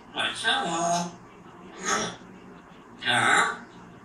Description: parrot sneezing and much more activities see in next videos